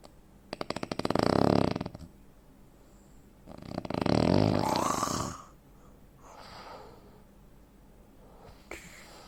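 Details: Real-life snoring from a 43-year-old man, 85 kg, 165 cm: two loud rattling snores separated by quiet gaps, then fainter breathing; snoring with breathing pauses typical of obstructive sleep apnea.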